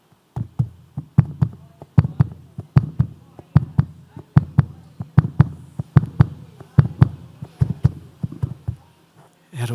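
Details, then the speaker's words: Dramatised heartbeat sound effect of regular paired low thumps, about 75 a minute, in a sermon telling of a child's heart starting to beat again under a doctor's stethoscope 42 years ago. "coração bater nos colocar de pé meu coração voltou a bater a 42 anos atrás"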